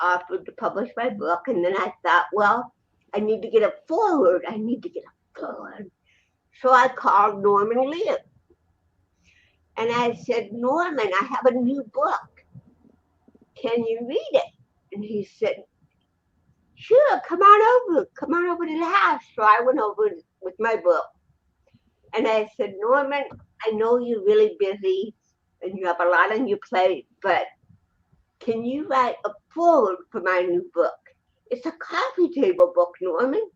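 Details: Dysarthria in an adult woman with cerebral palsy who also has a 75% hearing loss and wears hearing aids; finding: dysarthria (cerebral palsy).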